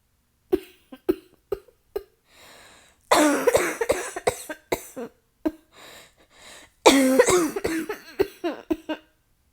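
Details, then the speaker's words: Simulated role-play asthma flare triggered by smoke narrowing the airways, with chest tightening and light-headedness before an inhaler: repeated short dry coughs in bursts with harsh coughing fits between. "you know I have asthma and that triggers my cough all that smoke coming out it Narrows my my Airways to the point where I can't breathe and it's hard okay"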